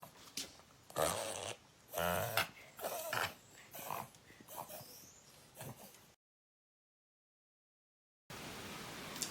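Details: A dog makes a run of loud, harsh snorting inhalations about once a second: reverse sneezing.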